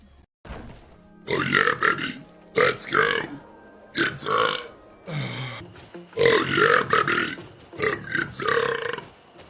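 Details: Burp compilation: a series of long, deep, voiced belches one after another, with faint music behind. Repeated burping.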